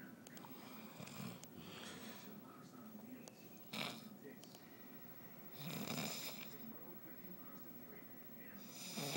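Rough, noisy breathing sounds during sleep, with a few louder bursts over room noise; snoring.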